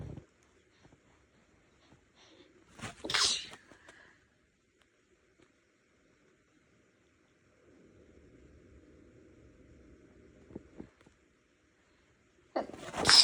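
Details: A short, stifled hissing burst, then quiet, then a sharp, forceful sneeze at the end: a sneeze partly held back before it breaks through.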